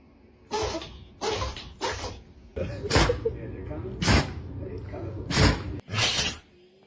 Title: Dog sneezing 🤧 #funny #funnyanimal #pets #funnydog #cutedog #funnypet #happy #funnydogs #doglover